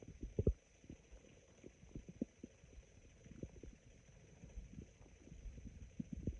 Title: Very sparse and raspy stomach growls